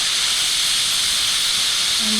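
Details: Magnetostrictive ultrasonic scaler used on a typodont's mandibular anterior sextant in dental hygiene training, operator at 9 o'clock, insert adapted to tooth surfaces with light tapping strokes: steady high-pitched hiss of the scaler running.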